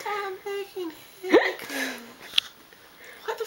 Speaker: hiccups. Why the fuck is she having hiccups?